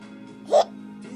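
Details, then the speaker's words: Angel hiccups and almost falls over; a single abrupt hiccup over steady background hum or music; hiccups. "Oh, oh, goodness. You have the hiccups? You have the hiccups?"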